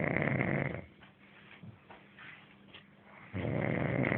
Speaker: Él dice que no ronca y está roncando.